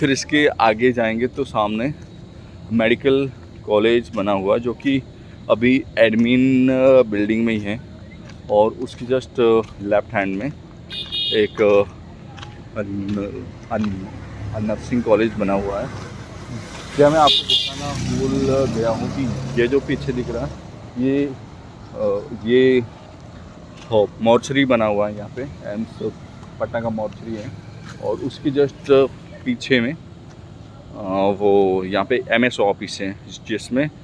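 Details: Stuttering in an adult male Hindi speaker practising speaking, with word repetitions.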